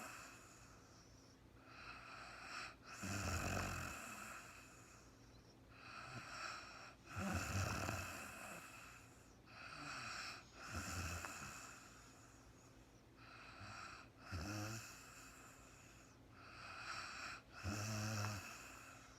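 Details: Woman snoring in real-time overnight sleep: soft rattling inspiratory snores, about 5 in 19 seconds with quiet gaps, in a quiet room; ordinary sleep snoring.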